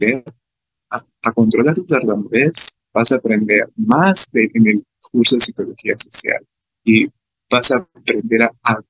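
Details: Adult man with real stuttering, speaking Spanish about his own experience, who reports fear of stuttering when participating in class; stuttering.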